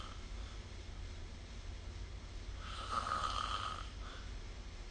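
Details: Person snoring during sleep, recorded with the SnoreLab app: a rough, rattling snore on an in-breath over steady low room hum.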